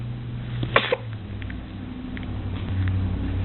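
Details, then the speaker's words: A single brief, sharp sneeze from a three-day-old baby boy who also has hiccups, against a steady low room hum. "oh you saw it on video yeah we just captured a sneeze oh i thought that might have gotten rid of the hiccups"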